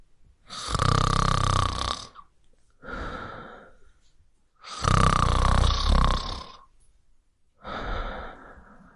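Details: Adult man snoring loudly: rattling snores on each in-breath with softer out-breaths, about 13 breaths a minute.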